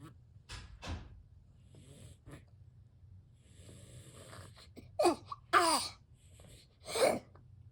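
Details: Cat with a suspected lung infection of unknown cause (also spread to another cat) gives several harsh, wheezy expiratory bursts with quieter snorting breaths between, in a quiet room; cough.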